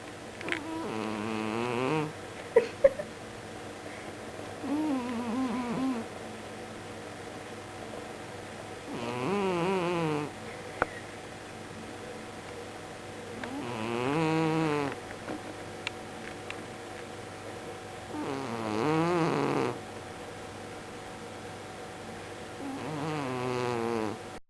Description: Murphy snores extremely loudly when he's asleep, he sleeps on our bed at night and drives us mad.